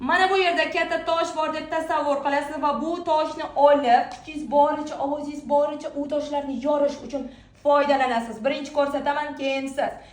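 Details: Adult woman speaking; normal speech.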